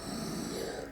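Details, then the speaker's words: 29-year-old woman with a narrowed, child-sized windpipe, tracheostoma under a neck plaster, on nasal oxygen: a brief harsh, rasping breath; she says the noise comes from the narrowing: inspiratory stridor. "Das Geräusch, also dieses Atemgeräusch, das wir ja jetzt hören, kommt es auch von dem Pflaster oder woher kommt das jetzt? Von der Sauerstoffbrille oder? Das kommt von der Enge."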